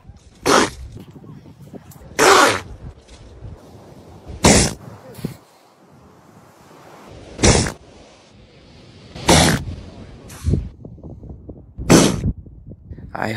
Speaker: these elephant seals look so cute when they sneeze